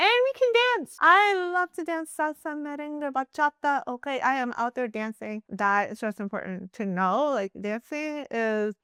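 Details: Woman deaf since birth from a genetic recessive condition, moderate to severe hearing loss, wears hearing aids, years of speech therapy, S sound still difficult; deaf speech (mild deaf accent).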